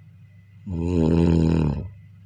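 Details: A single long, loud, rumbling snore with a buzzing, droning quality against quiet room noise, recorded during sleep: snoring.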